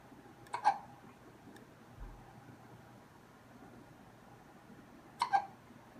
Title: One minute of hiccups